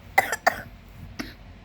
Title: Nagging Cough won't stop "Talking"